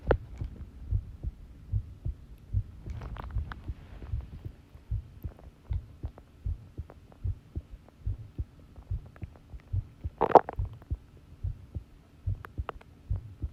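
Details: Long self-recorded heartbeat while listening to one's own pounding heart: steady, regular low thumping at about 95 beats a minute, with one brief rustle midway.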